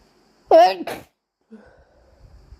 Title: More induced super wet and messy sneezes